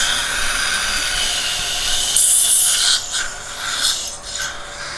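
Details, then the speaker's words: Dental scaling instrument during a yearly routine teeth cleaning at the dentist, with teeth described as sensitive: high-pitched whine and scraping hiss. "अभी आए हैं हम अपने dentist के पास। तो मेरी क्लीनिंग होनी है थोड़ी बहुत, जो ईयरली होती है, और फिर बाद में आपको पूरा बताते हैं।"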